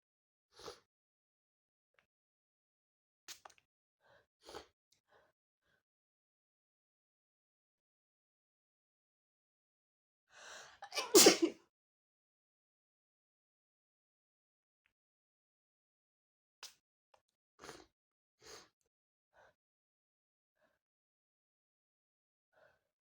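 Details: Allergy sneeze: one sharp sneeze after a quick catching inhale, with a few faint sniffs and small breathy sounds around it.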